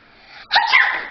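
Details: Animated cartoon character, shown with a cold that makes her sneeze marshmallows, takes a short indrawn breath, then gives a single bright, explosive sneeze.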